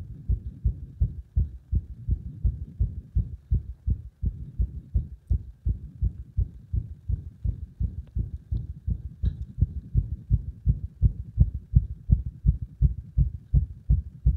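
Fast, mostly even low thumping at roughly 80 beats a minute with occasional uneven spacing; heart sounds with irregular beats.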